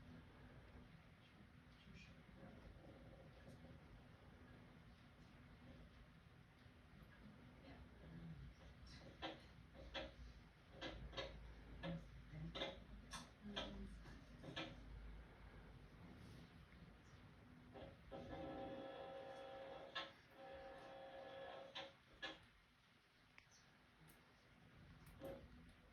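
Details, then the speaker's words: Woman with cervical dystonia receiving Botox injections into the neck: irregular crackling pops and a brief buzzing burst from an EMG machine showing muscle activity to guide injection site. "That sound you heard, that machine making, was her muscles reacting And that's how the doctor knows where to put the Botox injections into her neck to get the best relief."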